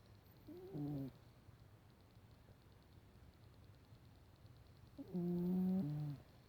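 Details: Snoring: two soft, tonal snoring breaths about four seconds apart in a quiet room; ordinary snoring.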